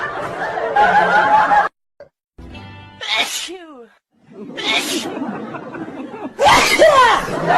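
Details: Simulated sneezing, an app sound effect from a baby panda face-mask selfie app: repeated loud 'achoo' sneezes over background music and children's voices.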